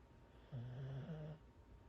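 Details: Corgi asleep on the owner's legs: one low, buzzing breath in a quiet room, an ordinary, harmless snore.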